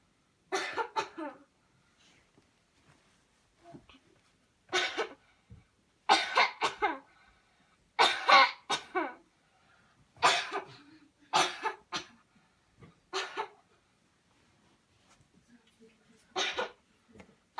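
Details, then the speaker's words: Voluntary deep coughing after counted breathe-in, breathe-out cycles in a cleansing-healing coughing technique demo: about ten deliberate deep coughs in short clusters separated by pauses. "okay here we go one two three put in deep deep deep cough"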